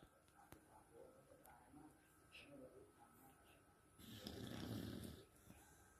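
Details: Overweight beagle dog snoring very loudly: soft noisy breathing, then one loud, rough, rattling snore on an in-breath, with faint room noise.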